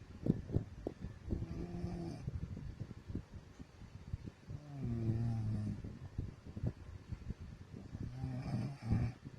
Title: MY WIFE SNORING/SLEEPING OLD VIDEOS COMPILATION